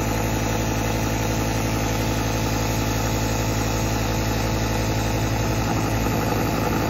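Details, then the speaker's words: Nasal nebulizer applicator attached to a compressor nebulizer machine for sinus treatment; steady low mechanical hum with fast regular vibration as the compressor runs and produces mist inhaled through the nose. "plug in the tube to the nebulizer machine which looks like this and just press the compressor button here's the mist i'm going to inhale through the nose"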